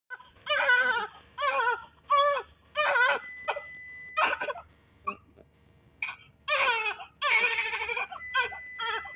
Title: cutest New Born Baby Girl just after birth with First Cry in the hospital videos helthi baby 💞💞